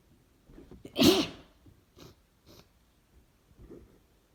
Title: Messy cold sneezes + final noseblow